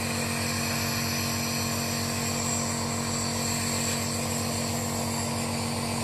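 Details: Home ventilator used by the patient each morning for up to about 20 minutes to clear the airways: steady mechanical hum with rapid regular pulsing.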